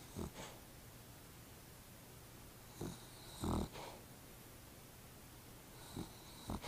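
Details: Short soft snorts and snuffles between quiet stretches from a napping pet that the owner says has also been coughing; light snoring.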